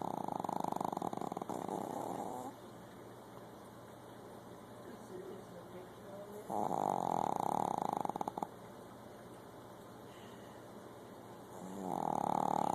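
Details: Loud, rattling snore bursts of a few seconds separated by quiet pauses, from a sleeping dog; snoring.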